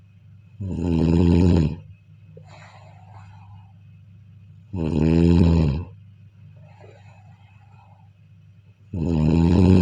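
Loud, rough snores about every four seconds, each with a rattling low buzz, over a steady low hum; snoring.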